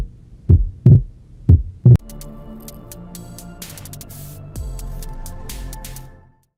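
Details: Physiological split S2 heard on inspiration at the pulmonary area: aortic and pulmonary valve closures separate during inspiration and fuse in expiration. Two heartbeats at about 60 per minute, followed by music.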